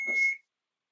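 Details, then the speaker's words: Single short high beep as an AED training unit is switched off during a CPR and AED basics class demonstration, after pads placement was shown. "okay and i'm gonna go ahead and turn this off now"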